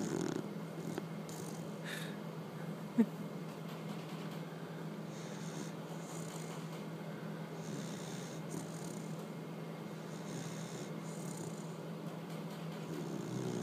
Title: Allie Mae snores like human